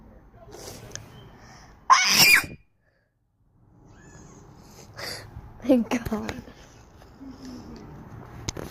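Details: A single sudden, sharp sneeze with an unusual, weird sound, followed by silence and then talk in the background; sneezing.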